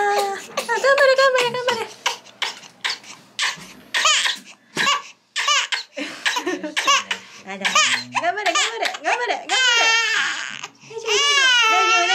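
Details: Loud, high-pitched bursts of crying with short gasping pauses and adult voices nearby from a 2-month-old baby at the first vaccination injection; infant pain cry.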